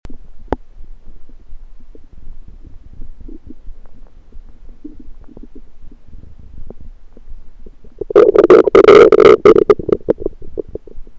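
Faint, scattered gurgles give way to a loud, watery, bubbling rumble lasting about two seconds; ordinary stomach rumbling (borborygmi), a normal finding.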